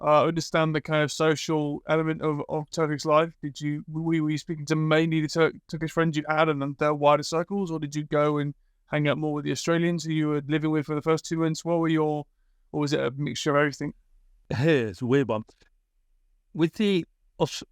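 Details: Adult male speaker; typical speech.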